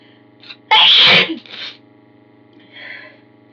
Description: I try to read aloud, but my nose is having none of it!